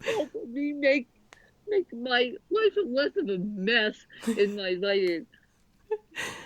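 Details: Adult woman born with cerebral palsy affecting both sides of her body; speech largely unintelligible to automatic transcription; dysarthria.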